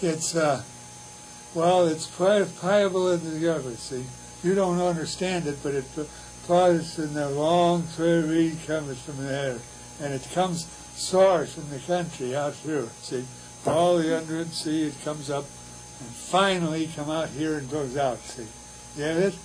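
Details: Real patient with Wernicke's aphasia, recorded by a university physiology department; Wernicke's aphasia.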